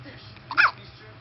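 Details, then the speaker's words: Hiccup in a 1-month-old infant with repeated, violent hiccups: a single abrupt, high-pitched catch of breath over quiet room noise. "this is emerson his violent hiccups oh"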